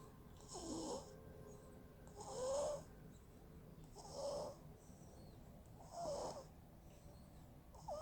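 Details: Baby girl snoring in sleep for the first time: soft, regular snuffly snores with each breath, about 30 breaths a minute; light infant snoring.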